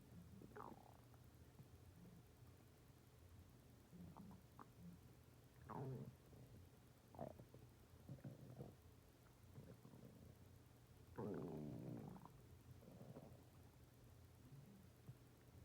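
Irregular low gurgles and rumbling squeaks over a steady hum; ordinary stomach growling.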